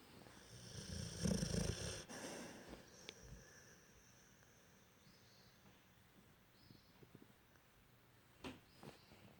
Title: Win my dog snores a lot